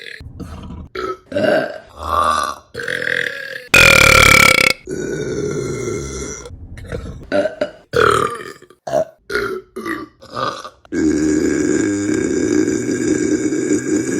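A rapid series of loud belches, some short and some drawn out, one after another; repeated burping.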